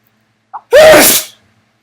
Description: Tried sneezing on a mirror... didn't quite get the angle right, but hopefully you enjoy anyway.